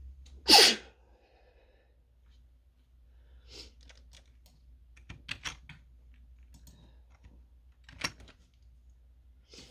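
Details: One loud sharp sneeze, then quiet keyboard typing, from someone working from home who thinks they are coming down with something and has a drawn-out fit of single sneezes.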